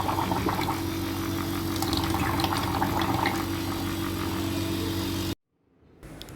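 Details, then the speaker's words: Steady droning motor hum of a piston nebulizer compressor running normally after repair of a broken wire and removal of threads tangled on the fan, then switching off. "Well, it's working now. Let's see if it gives enough air pressure. Yup, it's all working."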